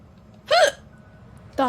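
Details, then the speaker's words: Adult woman with hiccups while gaming: two sharp, abrupt voiced gulps about a second apart against quiet background. "i'm really struggling right now with the hiccups"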